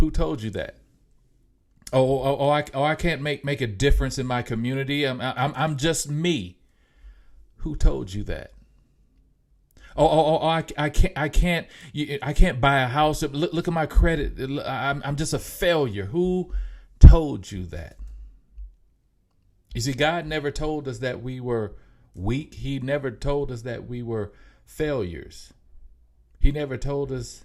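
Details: Mild, self-reported stuttering in an adult male podcast host, who says it can be heard in his speech.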